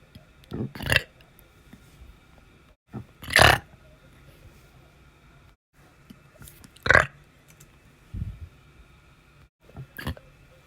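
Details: A person's burping on a day described as having quite a lot of burps: several loud, low, gurgling belches, about six in ten seconds, separated by quiet room noise; repeated burping.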